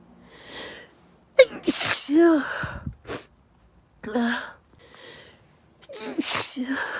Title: Intense pepper sneeze attack